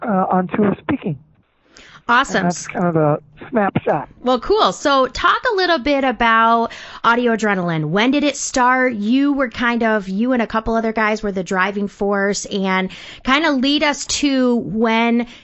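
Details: Adult woman speaking; normal voice.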